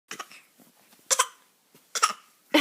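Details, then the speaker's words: A 5-month-old infant gives several short, high-pitched, voluntary fake coughs, some in quick pairs, separated by quiet pauses. "Quit faking. Quit faking. Quit it. Faker. Faker, faker. No fake coughing."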